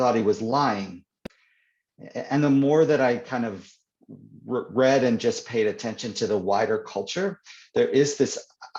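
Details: Stuttering (stammering) in an adult man who reports that he stutters more when reading than in conversation.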